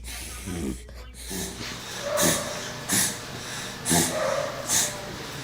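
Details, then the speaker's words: A run of rapid, harsh snorting inhalations from a dog, demonstrating a reverse sneezing episode, in a Dachshund-focused explanation where nasal irritants are the usual cause. "Because Dachshunds generally have their nose to the ground and love to dig, irritants are the most common cause of the reverse sneeze. So now, let's listen to what a reverse sneeze really sounds like."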